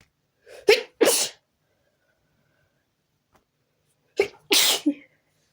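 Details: Sneezing fit while trying to relax: two bouts, each a quick inhaled snort followed by a sharp sneeze, separated by a few seconds of silence.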